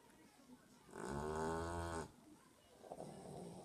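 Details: Pet dog snoring loudly while asleep: a single loud, rumbling snore lasting about a second amid quiet room noise.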